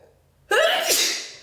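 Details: Single loud, forceful sneeze with sharp onset fading over about a second, during a cold.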